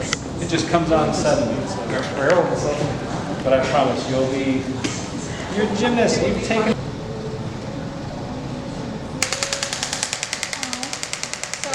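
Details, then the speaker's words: Extracorporeal shockwave therapy on an adult woman's heel at her first physical therapy session after a PRP injection: a rapid, regular clicking burst of about ten pulses a second; she reports it as painful. "it's not as bad on the heel heel but when it starts going up that's when it's like it feels like a needle going through my head it's crazy"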